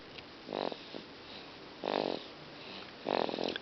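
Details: Snoring after a baptism: short nasal snorting snores with each breath, three in under four seconds, noisy breathing during sleep.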